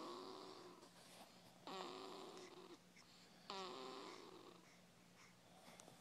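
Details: Faint, buzzy, whistling snores on inhalation, nearly two seconds apart, over quiet room hum; snoring.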